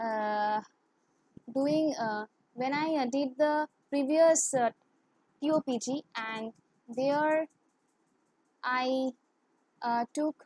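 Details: Adult woman who has stammered since childhood; her stammering is worse in English and with high-authority persons; stuttering.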